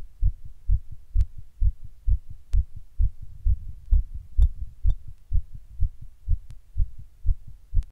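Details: Own heart recorded while sitting in 100-degree heat during a heatwave: steady, rapid thumping heartbeat about 130 beats a minute; tachycardia.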